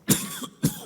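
An adult gives two quick, sharp coughs in a row, each a sudden burst of noise, heard in a quiet room: an ordinary cough.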